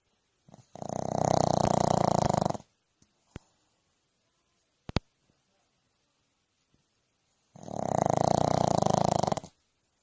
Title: Worlds loudest snoring dog